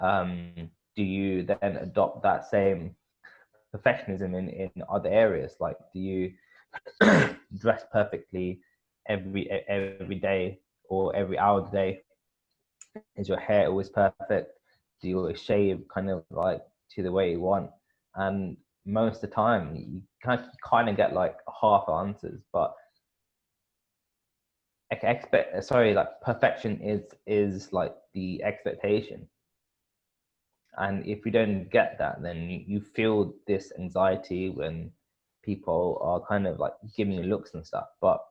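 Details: Adult male speaker; stuttering.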